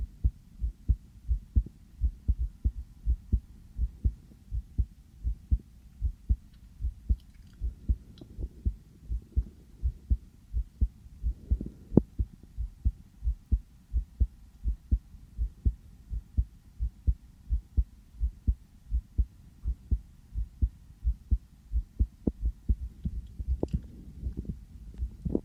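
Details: Person's own heartbeat heard through a sensitive stethoscope just after coming in from outside, felt to be fast; steady, regular beat at about 85 beats a minute with faint rustling: normal heart sounds.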